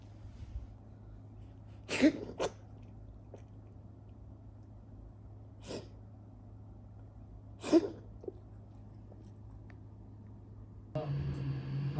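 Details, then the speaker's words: A 9-year-old cat coughing occasionally since age 7, recorded for the vet, with a preliminary veterinary diagnosis of feline asthma: a few short, sharp, hissing coughs in a quiet room. "the veterinarian gave a preliminary diagnosis that Snow has feline asthma. We began treatment for his coughing."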